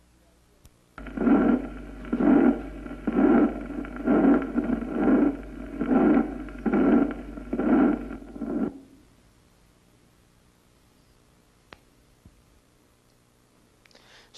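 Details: Pulmonary regurgitation murmur with pulmonary stenosis (systolic and diastolic murmur).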